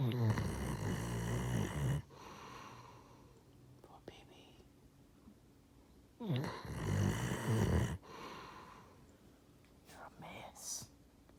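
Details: Two long, loud, rattling snores about six seconds apart with quieter breathing between, heard in a Basset household; snoring.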